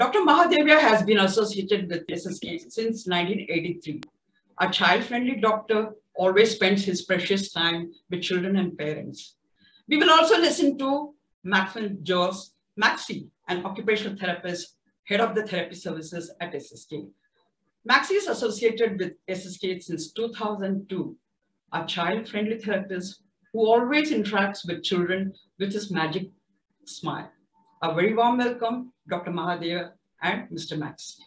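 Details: Adult host; typical speech.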